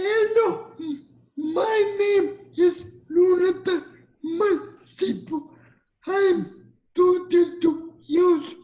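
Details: 22-year-old man with cerebral palsy; dysarthria in cerebral palsy.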